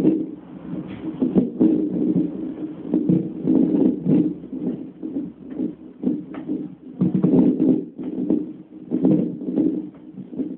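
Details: Fast, rhythmic galloping whooshes rising and falling through Doppler hiss on a second CTG recording in pregnancy: fetal heartbeat, normal finding.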